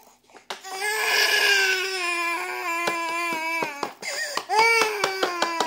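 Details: Baby (Muhammad) crying in long, sustained wails with short breaths between, then crying again; cause unknown to carer.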